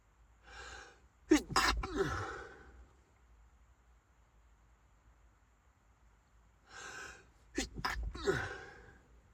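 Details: Sneezing fit while driving a car, forcing the driver to pull over: two sneezes, each a quick gasping in-breath then a sharp explosive burst, with a faint background hum.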